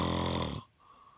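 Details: Person snoring: a single loud, low, rattling snore that cuts off into quiet breathing.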